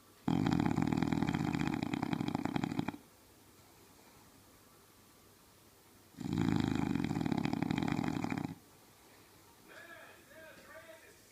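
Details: Bulldog snoring loudly: two long, loud, rough rattling breaths about six seconds apart, then quieter noises.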